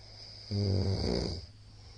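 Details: Very loud snoring from a sleeping middle-aged man, recorded 13 March 2022: one loud, low, rumbling snore lasting about a second on an in-breath, over a faint steady hum.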